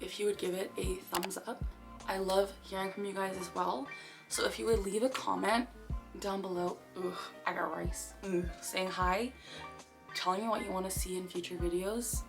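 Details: Tourette syndrome vocal tics in a 24-year-old woman diagnosed at 12, with motor and vocal tics, taking three medications daily, two of them antipsychotics.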